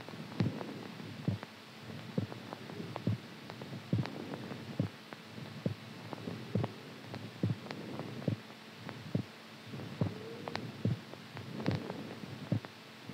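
Steady, strong low thumps at about 70 beats a minute over a soft hum: a normal heartbeat.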